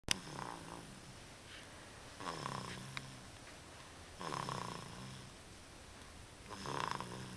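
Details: Infant aged 3 months 1 week with a cold, asleep in a bouncy seat with arms swaddled during a 2.5-hour nap, snoring softly with each breath at about 27 breaths a minute; infant snoring.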